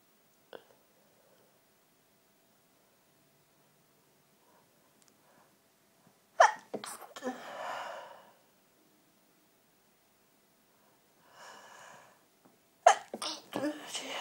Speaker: I need to sneeze and it keeps going away. Really annoying.